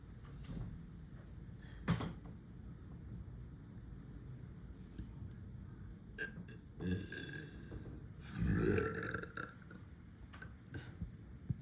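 A few deep, rumbling belches, the longest near the end, in a small room: burping.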